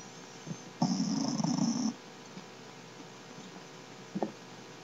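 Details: One loud, rattling, low snore lasting about a second, with faint breaths around it, from a 3-month-old Shar Pei puppy asleep on a couch; he snores a lot. Dog snoring.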